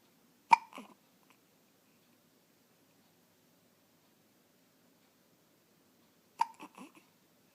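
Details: 2½-week-old infant girl with hiccups for about 10 minutes despite patting, fussy: two sharp hiccups about six seconds apart, each followed by a small catch of breath, in a quiet room; hiccups.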